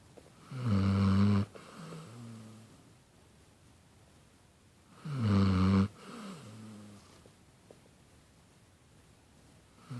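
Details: Two loud, deep rattling snores on the in-breath, each followed by a softer out-breath, about 12 breaths a minute in a quiet room; snoring.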